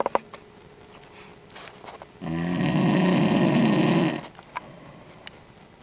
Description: dad snoring